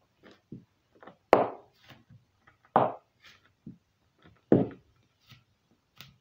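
A series of sharp pops and clicks, three of them loud, from the toe joints cracking; harmless joint noise.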